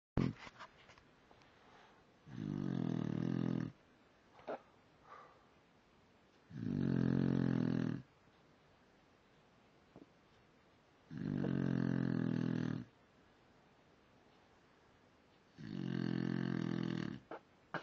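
Four loud, rumbling snores on in-breaths, about 14 breaths a minute, with quiet gaps between; ordinary snoring during sleep.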